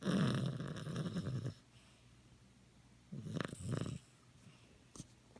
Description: Luigi my Maltese is snoring so loud after his bath